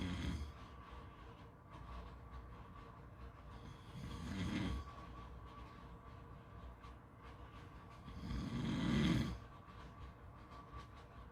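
Soft snores about every four seconds over a steady background hum, roughly 14 breaths a minute; quiet snoring in sleep.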